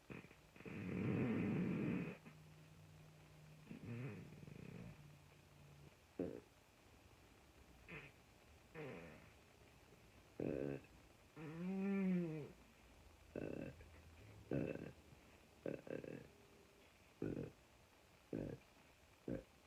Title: Constant Farting and Burping on command!